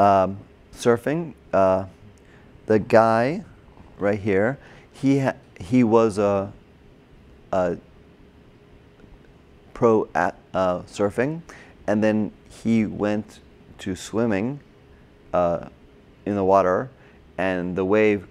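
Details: Adult man with Broca's aphasia and word-finding difficulty from a stroke during heart surgery in 2007, about 10 years earlier; hospitalized two months, then OT, PT and speech therapy.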